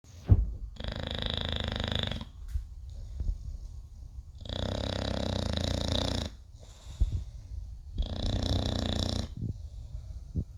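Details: Snoring in a sleeping English bulldog: three long, rough, rattling breaths about three seconds apart with quiet pauses between, loud dog snoring.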